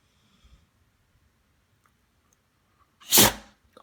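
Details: Single sneeze from a puppy in a quiet room: one sharp, hissing burst of air.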